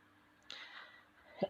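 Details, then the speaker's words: Single dry adult cough in a quiet room, one sharp breathy burst then a brief throaty grunt, from a speaker who says they are coughing again and again; cough. "ah batuk lagi-lagi rada-rada batuk"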